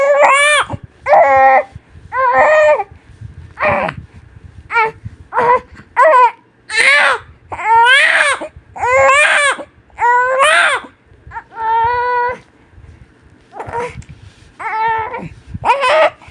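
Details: Newborn baby crying hard: short, strong wails with gasping breaths between, some shorter and higher; ordinary vigorous infant cry.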